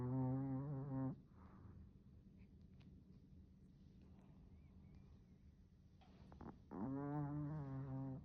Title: My dog snores every single day.